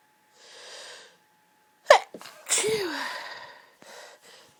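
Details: Woman sneezing while lying in bed surrounded by tissues: a soft breath in, then a sharp high-pitched 'achoo' with a falling voiced tail and a quiet breath after; a single ordinary sneeze.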